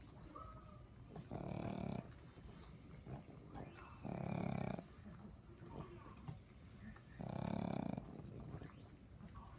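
Three loud, low, rattling snores about every three seconds, roughly 20 breaths a minute, with quieter breathing between: snoring in a flat-faced dog.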